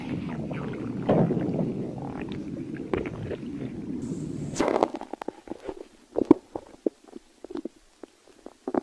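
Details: Low rolling gurgle for several seconds, then scattered short pops and bubbling clicks: ordinary stomach growling (borborygmi).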